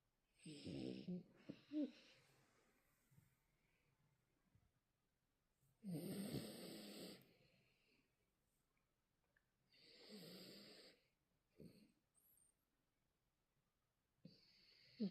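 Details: Irregular rattling snores with soft breathing between them in a quiet room: a young Maltese dog snoring while asleep.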